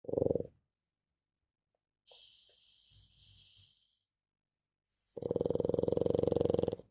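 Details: Pug snoring in sleep: rattling, fluttering snores with quiet gaps between, snoring in a flat-faced dog.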